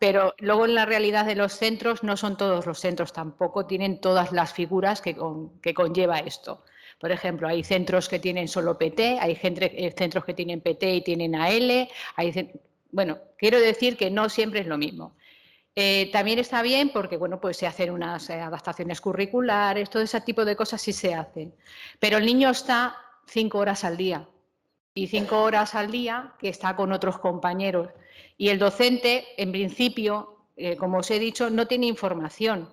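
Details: Adult woman speaking Spanish; normal conversational speech.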